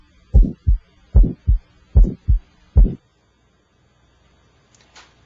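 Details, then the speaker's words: Heart auscultation with an electronic stethoscope, moving from apex to pulmonic and tricuspid areas, with S1 timed against the radial pulse. Clear lub-dub at about 74 a minute with quiet gaps and no murmurs or extra sounds: normal heart sounds. "so now I'm not concentrating on the second or first hard sound I'm I'm looking for extra hard sounds or murmurs now that I know where S1 is"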